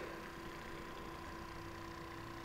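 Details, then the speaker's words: PureWave percussion massager running at about 75% intensity on the calf muscle bulk to treat Achilles tendinitis: steady motor hum with constant pitch. "so same idea finding the bulk of that muscle there turning it on and again you take a good amount of vibration I have it turned probably 75% and this really depends on the patient's tolerance to"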